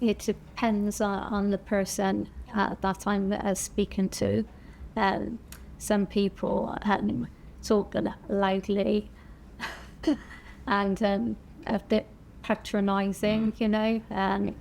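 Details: Woman, a stroke survivor whose stroke affected her right side and initially left her with no speech; aphasia after stroke.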